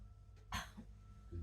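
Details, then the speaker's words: Woman with DiGeorge syndrome (22q11.2 deletion) during a day of tonic-clonic seizure sets, feeling sick, swallowing a clonazepam tablet with water sips: a single short, wet cough while swallowing, a concern for aspiration of fluid into the airway. "We just don't want you to aspirate, which is bringing fluid down the whole air hole."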